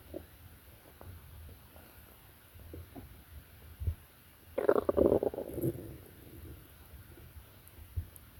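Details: Stomach growling in a sleeping person: quiet low rumbles, then a loud gurgling growl lasting about a second; ordinary bowel sounds (borborygmi) from moving gut contents.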